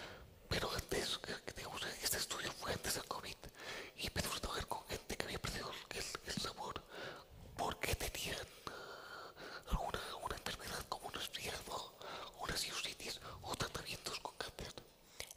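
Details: Adult man with the neurological disease dystonia, which in his case causes uncontrollable neck movements and can affect other body parts; real speech, whispered without voice tone: whispered speech (aphonia) due to dystonia.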